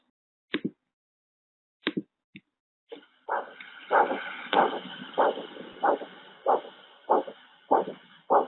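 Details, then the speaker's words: Diver's venous Doppler recording used for bubble detection: regular whooshing pulses with the heartbeat at about 100 a minute over steady hiss, breathing audible at some point, no bubble clicks; clean vein without bubbles. "the top one which I'm going to play right now is basically just a clean clean vein there's no bubbles it's just a heartbeat and if you pay attention you will as well hear the sound of the breathing at some point"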